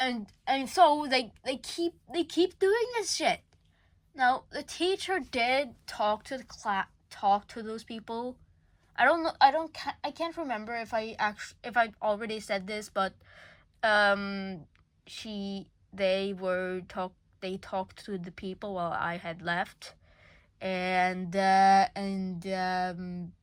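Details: School-age person who says they stutter a lot; this stretch shows stuttering with word and phrase repetitions and revisions.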